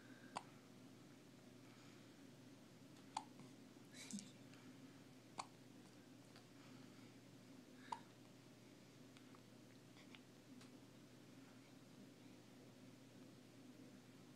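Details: Hiccups: four sharp, brief hiccup clicks at irregular intervals over a steady low room hum.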